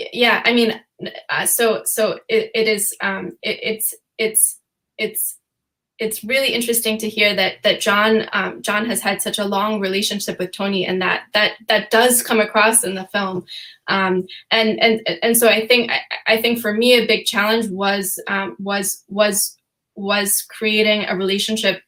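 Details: Stuttering in an adult female, real, who says she stutters sometimes, with repetitions of words and phrases, during a panel discussion.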